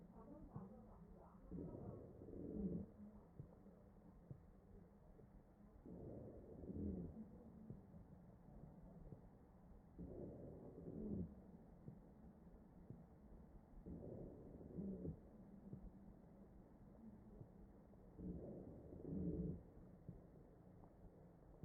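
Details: Real ventilated patient's chest: wheezing.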